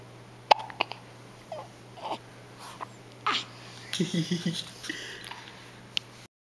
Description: less than twelve hours from being born she is already getting experience with the hiccups